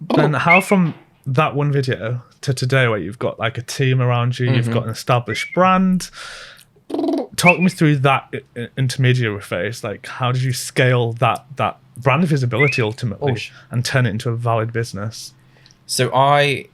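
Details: Adult male speaker; typical speech.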